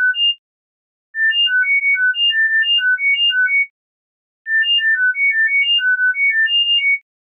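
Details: Acoustic coordinated reset (CR) neuromodulation tone sequences for tinnitus therapy: four short pure tones in shuffled order, in bursts with pauses; samples span 1000–10,000 Hz at 1000 Hz intervals, 10 seconds each.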